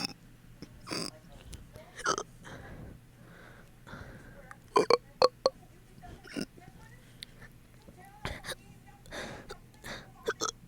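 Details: Fast, hiccup-like burps after eating that have gone on for 30 minutes: several short, quick burps with quiet breathing between them; repeated belching.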